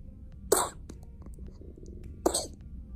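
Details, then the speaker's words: Two-week-old baby girl with congestion and a nasty cough, thought to be an upper respiratory infection; the pediatrician said her breathing sounded fine. Two short, harsh coughs a second apart with quiet between. "so she went to the pediatrician originally for her second newborn screening but she had a really nasty cough and she was very congested"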